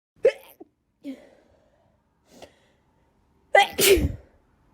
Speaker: I sneezed all day at school today. I'm not sick. Just allergies again.